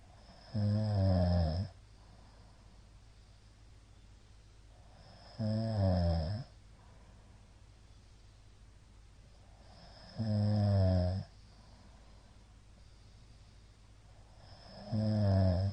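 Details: Middle-aged man asleep, recorded 2022-02-23; the recorder judges it sleep apnea from the count of shallow hypopneas. Loud, regular snores with quiet gaps, about 13 a minute: heavy snoring fitting obstructive sleep apnea.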